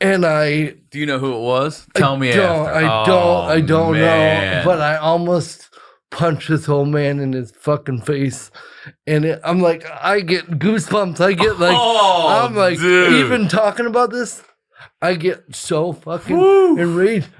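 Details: Adult man, a comedian with cerebral palsy; dysarthria (cerebral palsy).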